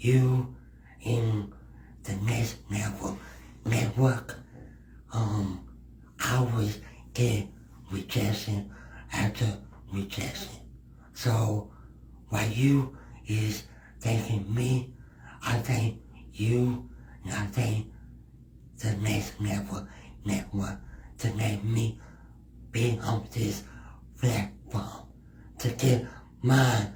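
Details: Man with cerebral palsy, described as having a speech impediment, speech issues being among his cerebral palsy effects; dysarthria in cerebral palsy.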